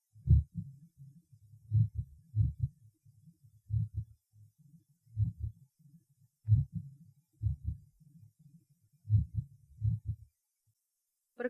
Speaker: следующая запись сделана у больной с броди систолической формой мерцательной аритмии